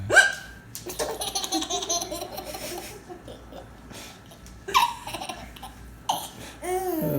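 Short, sharp voiced catches mixed with infant laughter; hiccups.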